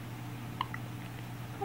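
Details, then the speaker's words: A baby girl's first hiccups: a single brief, high-pitched catch over a low steady room hum, one of repeated infant hiccups. "Oh my goodness. You got the hiccups bad. Got them bad, huh?"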